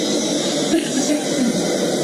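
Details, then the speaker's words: EMS training: a CPAP unit is hooked to an oxygen bottle for a patient with gurgling lungs. Once it is connected, the oxygen is already on, giving a steady, even hiss of gas flow. "basically what he's doing over here is hooking the CPAP unit into an oxygen bottle and you can hear once you connect it the oxygen is already on"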